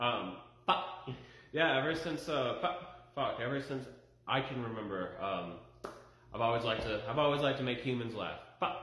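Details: Adult male with Tourette syndrome whose speech is interrupted by vocal tics, including coprolalia-like utterances; vocal tics (Tourette syndrome).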